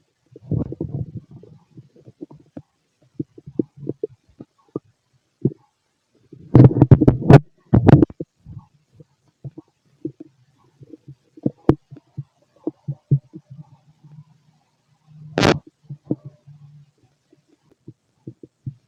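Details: Irregular low gurgles and rumbles with a few louder bursts: normal bowel sounds (stomach growling) from a healthy male's digestive system, described as loud in person.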